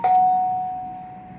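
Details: Wireless nurse call system demonstration with a call display panel: a single clear electronic chime that rings and slowly fades, signalling an incoming call from a room.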